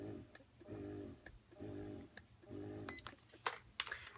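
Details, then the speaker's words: Medela Freestyle electric breast pump running in expression mode, not attached to skin (no tubing or flanges on skin): rhythmic mechanical humming cycles about once a second with clicks between; breast pump running. "today I'm going to show you five breast pumps back-to-back to let you see how their noise level compares first I'm going to show you the medulla freestyle and it will start out in the letdown mode the expression mode"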